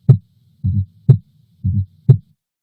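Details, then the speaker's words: Fourth heart sound (S4 gallop) teaching example: S4 just before S1 then S2, cadence like "Tennessee" (tenna = S4-S1, see = S2); absent when atrial kick is lost. "I'll play you an example of an S4 now and many people recognize an S4 by thinking of the word Tennessee the tenna is the S4 and the S1 and the C is the S2"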